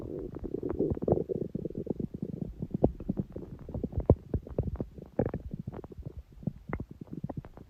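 Continuous gurgling and popping rumbles from the abdomen, a stomach growling; ordinary bowel sounds.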